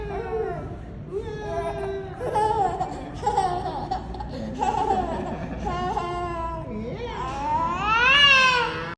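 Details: An infant crying during a pediatric chiropractic adjustment appointment, in rhythmic bursts of wailing that rise to a louder, higher cry at the end, with quiet room sound behind; infant cry.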